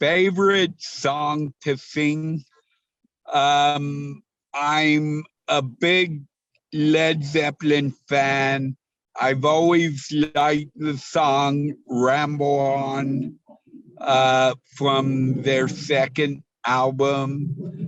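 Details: 61-year-old man in a comedic persona who says he has had a speech impediment all his life and attended speech classes through elementary, junior high and high school; speech impediment.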